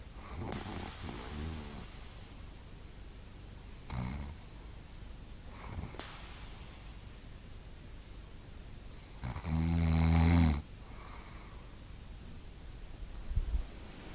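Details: Adult man sleeping: irregular snorting breaths ending in one loud, low, rattling snore, with steady background hiss; snoring.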